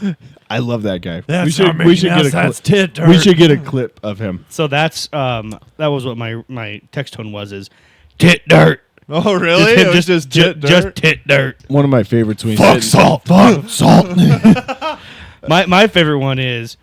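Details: Adult male speaker, casual conversation; typical adult male speech.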